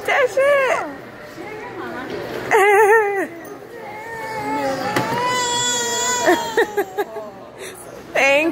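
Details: 4-month-old baby girl getting her ears pierced: sudden loud cries and wails after the painful moment, with adult voices around.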